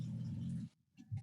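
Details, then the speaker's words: Low rumbling snore, one long vibrating breath, a pause, then the next snore, from a sleeping animal called a hippo. "hippos snoring can you hear it not really a little bit yeah oh God yeah"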